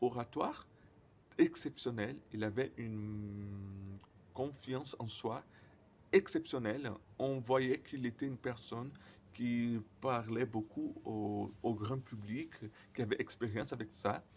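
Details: Stuttering in a 28-year-old Brazilian man speaking French as a second language, who reports frequent silent blocks and at times many repetitions.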